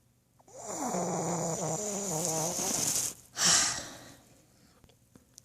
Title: Trying to wake snoring Sydney pug